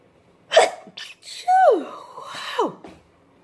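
A forceful sneeze followed by quicker, partly stifled sneezes with short intakes of breath; a brief sneezing fit.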